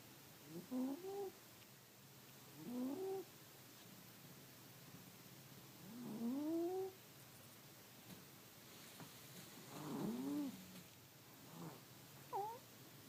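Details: Pet cat asleep in front of a heater on a cold winter night, snoring loudly: soft, whistling, rising squeaks on each breath, roughly every three seconds, over quiet background hum.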